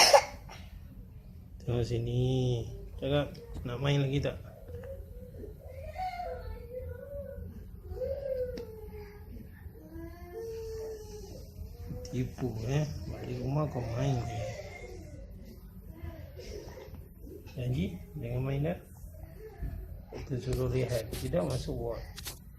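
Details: A child gives short, harsh, barking coughs in clusters, with whimpering and fussy sounds between them: barking cough.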